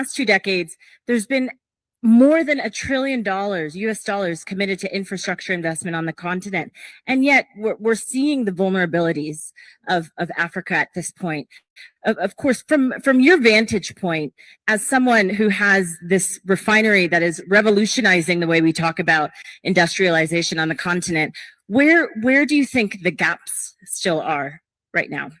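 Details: Adult woman speaking; normal speech.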